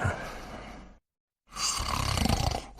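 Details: Snoring while sleeping: two rough, low rattling breath sounds separated by a short pause.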